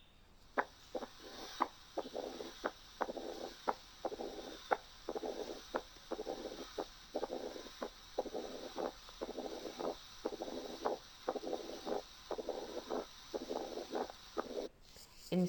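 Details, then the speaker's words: Faint mitral stenosis heard with the bell: sharp heart sounds at about 58 a minute, each followed by a low rumbling mid-diastolic murmur. "هنسمع دلوقتي مثال لميترال ستينوزيس. هنلاحظ الصوت هيبقى لب ضب بعدين ترب ترب."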